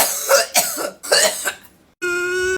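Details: Several harsh, rapid coughs in a short burst right after inhaling a long vape hit ("blinker"), then a steady tone in the background.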